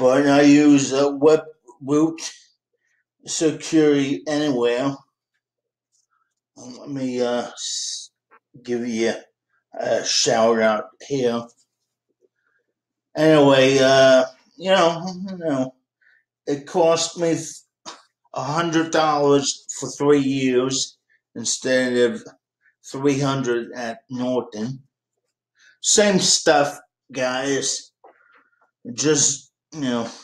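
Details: 51-year-old man with cerebral palsy since birth; he says people think he might be drunk but he is not; dysarthria (cerebral palsy).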